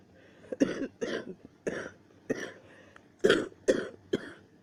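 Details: Repeated coughing during a bout of coughing and sneezing the person describes as rough, nearly choking: seven short, harsh coughs in quick succession, about two a second, separated by brief pauses.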